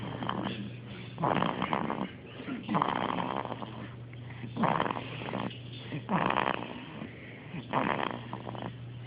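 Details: Rhythmic rattling snores with each breath, several over nine seconds, over a steady low room hum, in a sleeping baby: snoring.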